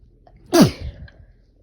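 One loud, explosive sneeze with a sharp burst of air and a brief falling tail.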